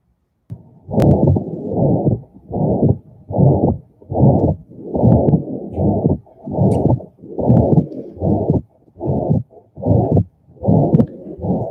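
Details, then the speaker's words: Newborn heart-assessment teaching recording from a nursing exam review: long, harsh whooshing sounds repeat with each heartbeat, a murmur characteristic of a newborn heart condition; heart murmur. "And so I'm going to show you a little video here that helps you see where in the heartbeat the murmur occurs. And this will let you kind of hear what it sounds like and see where it falls in."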